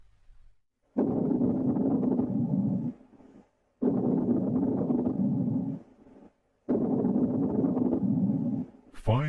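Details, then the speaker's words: Fine crackles through a stethoscope over three breaths: soft, high-pitched and very brief, often accompanying congestive heart failure. "crackles are soft, high-pitched, and very brief and often accompany congestive heart failure."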